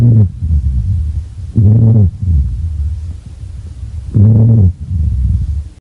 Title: Low pitched Wheeze |Lung Sounds Collection